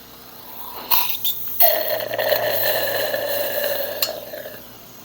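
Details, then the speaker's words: ASI Triton Traveler portable field dental unit, high-volume suction demonstrated: sharp slurping rush drawing water quickly from a jar, steady hiss about two seconds then cutoff; strong suction comparable to in-office units. "you can see that it works quickly and clears the jar rapidly comparable to your in-office section"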